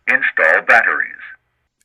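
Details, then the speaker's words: Zoll AED Plus during setup, as batteries are inserted: a brief synthetic male voice prompt, normal device behaviour. "when you push the button inside the battery compartment the AED will react immediately telling you to plug in the electrode pad cable"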